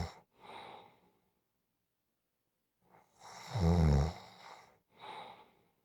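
Deep, rumbling snores on slow breaths, one loud vibrating inhalation between quieter breath sounds and a silent pause; ordinary snoring.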